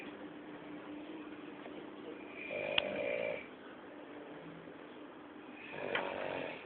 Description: this man snort loud